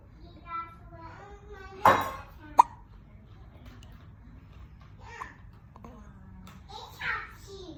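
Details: Child's hiccups: soft vocalizing interrupted by a few abrupt, sharp clicks of sudden intake.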